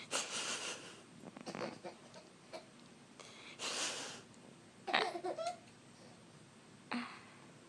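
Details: Several short bursts of air with a sharp, voiced sneeze-like burst in the middle and giggly breaths around them; sneezing or mock sneezing, treated as funny.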